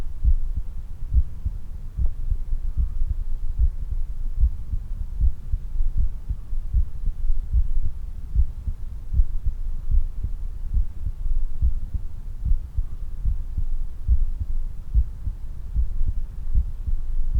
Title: 運動後の心音～ Heart sound after exercise